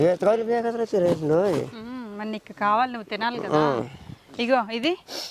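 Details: Adult speaker, Telugu; ordinary speech.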